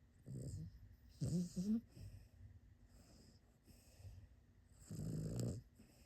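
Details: Small animal snoring: soft, low rattling snores in a few irregular bursts with quiet breathing between.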